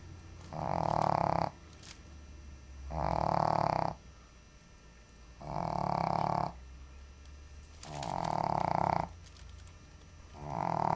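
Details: Shih Tzu sleeping on the floor in hot weather, snoring loudly and rhythmically with a harsh snore about every 2.5 seconds, roughly 24 a minute; owner says she can snore worse; snoring.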